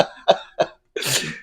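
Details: Irritant cough after drinking Carolina Reaper hot sauce mixed with Jägermeister in a 'Reaper cough' challenge: three short sharp coughs, then a harsh breathy throat-clearing burst.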